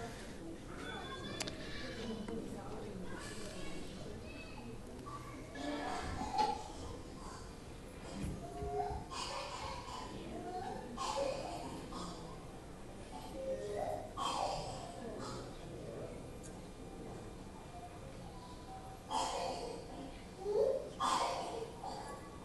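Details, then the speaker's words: Whooping cough (pertussis) in a villager in Peru: bursts of coughing in runs with a high drawn-in whoop near the end, as the patient cannot get enough breath before coughing again. "with with whooping cough you'll have that cough cough cough and then you'll have that because they can't get enough enough breath to actually start coughing again"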